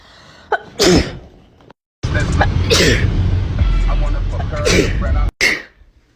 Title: TikTok Sneezing 55